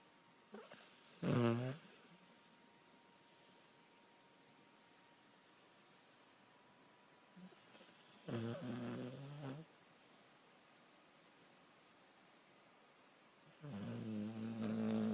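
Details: Border Collie dog snoring: three loud, rough, rumbling breaths separated by quiet pauses, with a faint steady hum in the room.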